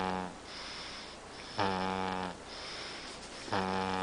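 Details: Snoring: two loud, buzzy, low-pitched snores on breathing in, about 2 seconds apart, with quieter breathing between them.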